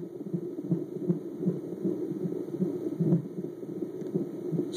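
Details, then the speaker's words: Fetal heartbeat on Doppler, baby girl; fast, regular whooshing pulses at about 155-160 beats a minute, with louder noise when the fetus moves around. "see this is what's where all the sounds coming from like a robot she comes and goes in but that's because she does like to move around"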